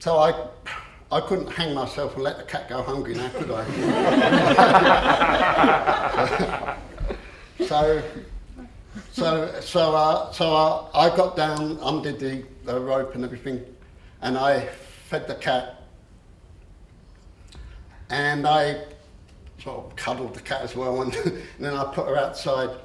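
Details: Adult man who has stammered since about age seven, after the shock of losing his parents; he says he still stammers on a few words; stuttering.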